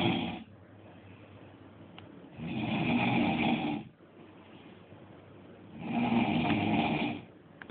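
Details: Loud, regular rattling snores, roughly one every three to four seconds, with quieter breathing between them; snoring.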